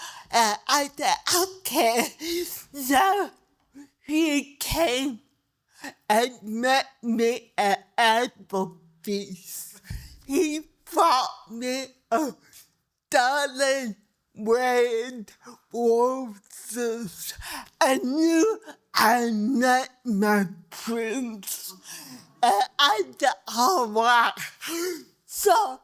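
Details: Dysarthria in a 63-year-old woman with cerebral palsy who needs help at new doctor visits so doctors understand her speech.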